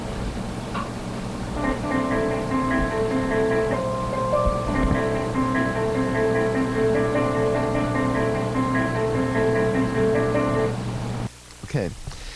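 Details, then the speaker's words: Repeating, somewhat harsh honky-tonk electronic tune from a CEREC dental acquisition unit: the alert it plays when confused while imaging a tooth. "you might have heard the first sound in there and what that is that I call that song kind of a honky-tonk music a little bit more abrasive right still nice but a little bit more abrasive well that sound is when that same computer that same see rock acquisition unit is confused"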